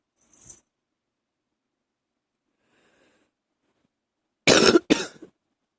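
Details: Early-morning cough, held back to keep quiet: a quiet breath, a pause, then two harsh loud coughs close together.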